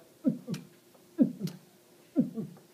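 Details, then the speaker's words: A man vocally imitates a heartbeat during a circulatory system lesson: three paired "lub-dub" sounds at about one pair per second, a heartbeat imitation rather than a real heart sound. "you do that sound that is your heartbeat okay that's me pretending to do a heartbeat but maybe you can do that too it's the love dub lub dub"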